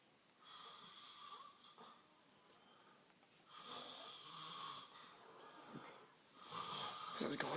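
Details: Adult man sleeping: three rough, hissing breath sounds about three seconds apart, with quiet between them: snoring.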